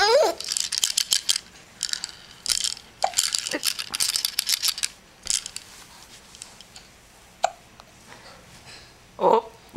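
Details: Hiccups in an infant: several brief, sharp catching sounds over about ten seconds, among rattling noises in a quiet room.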